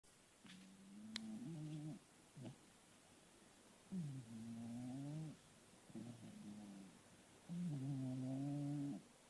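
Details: Snoring from a sleeper, recorded at night.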